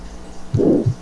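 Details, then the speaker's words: Soft first heart sound, then a harsh rhomboid (crescendo-decrescendo) systolic murmur running up to a faint second heart sound, with an opening snap masked by the murmur, prolonged isovolumetric contraction and clean diastole; aortic stenosis murmur. "tú aquí está el chasquido de apertura que está enmascarado por el soplo y el soplo romboidal 2 sobre romboide al que termina hasta el segundo ruido cardíaco"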